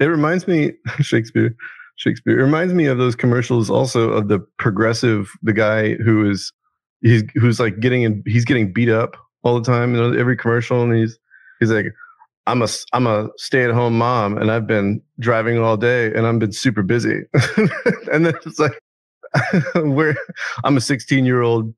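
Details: Man with Tourette syndrome whose involuntary vocal tic is repeatedly saying a word during conversation; Tourette syndrome vocal tics.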